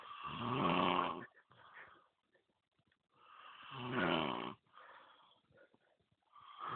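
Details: Heavy snoring during sleep after drinking 0.7 L while out ice fishing: loud, rattling snores about 18 a minute, each followed by softer fluttering breath noise.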